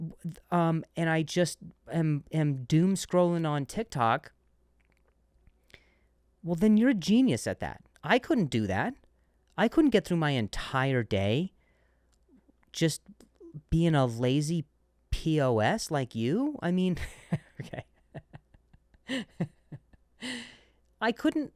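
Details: Adult man who stutters, who notes switching words after stuttering on one; word repetitions; stuttering.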